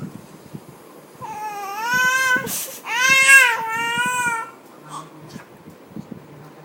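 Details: Baby boy with sudden, prolonged hiccups, crying: two long, wailing cry bursts with a clear pitched voice, separated by a sharp breath in; typical infant cry.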